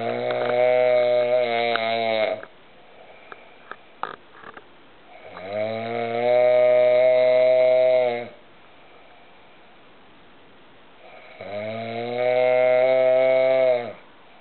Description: Once again I caught my friend snoring like a cow.